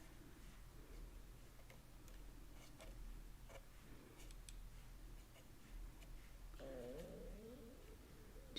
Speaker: guys hear that my stomach is growling that's embarrassing hopefully you can't hear that